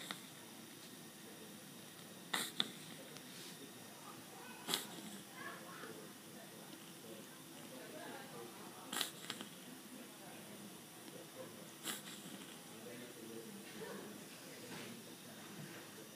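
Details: Hiccups through a tracheostomy tube: brief sharp clicking hiccups about every two to three seconds, airy, over quiet room noise.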